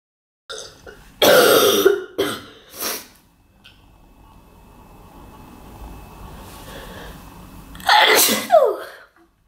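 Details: Several sharp, explosive bursts, some with a drawn-in lead-up, as a woman coughs and sneezes: sneezes and throat-clearing coughs.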